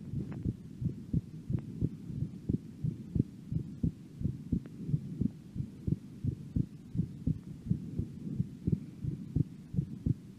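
Steady low heart thumps at about 88 beats a minute, recorded while the breath is held, with no breath sounds between beats.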